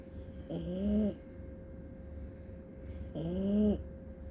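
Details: A napping puppy (tagged Aussie pup and papillon) gives two drawn-out, voiced groaning snores of about half a second each over a steady room hum: contented sleep noises.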